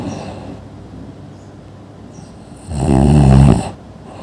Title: Snoring | Annoying Sounds นอนกรน เสียงที่น่ารำคาญ